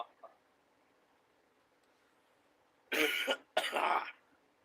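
Two harsh cough bursts after a quiet stretch, in an adult with a common cold.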